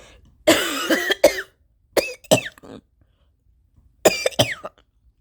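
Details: Three harsh bursts of coughing, each with several quick coughs and strained throaty catches, from an adult who reports being sick, with allergies worsened by changing weather; forceful coughing.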